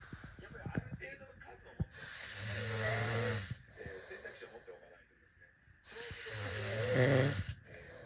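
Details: Snoring.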